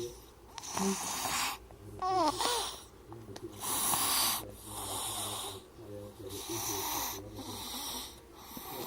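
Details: Baby snoring while asleep: irregular noisy breaths with rough, fluttering sounds on several breaths and a few small vocal sounds.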